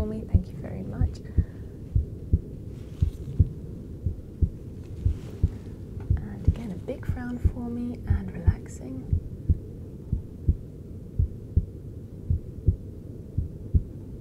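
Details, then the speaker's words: Fast heartbeat (sinus tachycardia) of an adult male patient monitored with a handheld device about 80% through cosmetic facial injections, heart still pretty fast from stress (fight-or-flight adrenaline response). "now that we're 80% their way through the procedure let's see how the heart is getting is it getting pumped up it's looking still pretty pretty fast to me actually"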